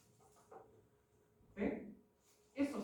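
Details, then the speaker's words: Simulated crackles (crépitos) of atelectasis: a few brief crinkling bursts like a bag opening or rustling leaves, mimicking alveoli reopening on deep inspiration, as heard by stethoscope where atelectasis usually lies. "El sonido auscultable de la atelectasia, que pues suena como una bolsa literalmente, o hojas crujiendo también, se llaman crépitos."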